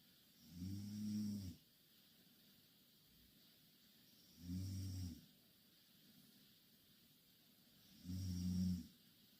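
Three loud, low, rattling snores with quiet breathing in between, about 16 breaths a minute: ordinary heavy snoring.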